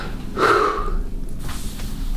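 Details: Normal deep inspiration from a boy seen by a pediatrician for croup and fever, with a dry cough and mild hoarseness; pneumonia is not suspected.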